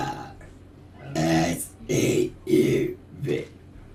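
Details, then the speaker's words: Four low, croaking voiced bursts from the throat in a row, fitting repeated burps rather than throat clearing; burping. "that one was wet ah they taste like tim tams"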